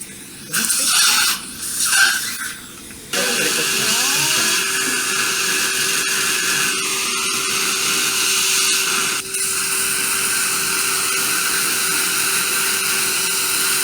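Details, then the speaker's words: Dental implant surgery with guided bone regeneration in an extraction socket: a high, steady mechanical whine with a squealing start from the surgical drill, after drilling along the palatal wall, as the implant is placed. "Made a drilling hole like this along the palatal wall, and now I'm placing implant."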